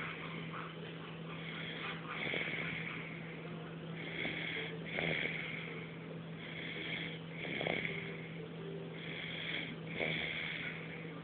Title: 9/22/12 snoring